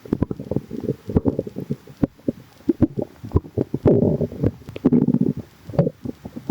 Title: noisy tummy | stomach rumbling